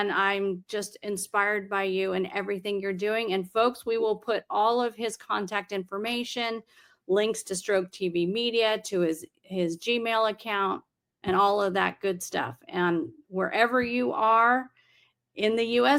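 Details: Adult woman speaking; normal speech.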